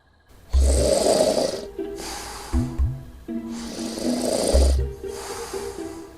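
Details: Loud rattling snores over about six seconds, two inhale–exhale cycles, with background music; snoring.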